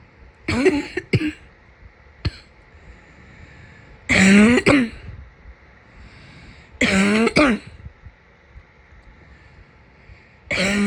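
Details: Person with a summer cold: several coughs in short bursts, some doubled, with quiet room noise between them.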